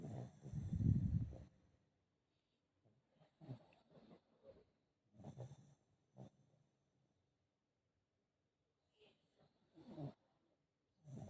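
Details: A foster pug, recorded around BOAS surgery (before or after), makes low, rattling snorts and snoring breaths in irregular bursts, fitting obstructed upper-airway breathing; snoring.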